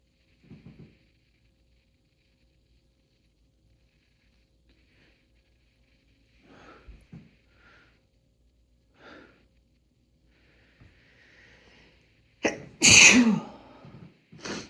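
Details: Male: soft sniffs and breaths build to one loud explosive sneeze, with a second starting as it ends; sneezes.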